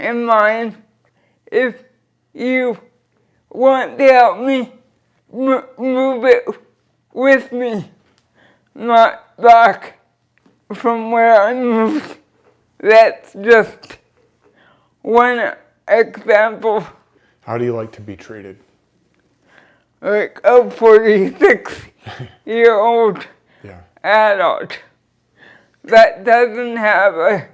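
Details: Dysarthria from cerebral palsy present since birth in a 46-year-old woman who uses a wheelchair.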